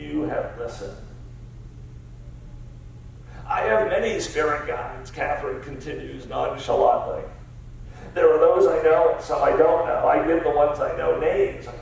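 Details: Adult man with spasmodic dysphonia diagnosed about seven years earlier, a rare neurological disorder affecting only speech with no known cause or cure; treated with periodic Botox injections; voice use not consistent or comfortable; spasmodic dysphonia.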